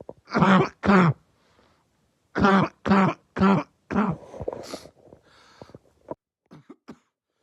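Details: Two bursts, then three more harsh, loud coughs with a barking quality, trailing into quieter throat noises; barking cough.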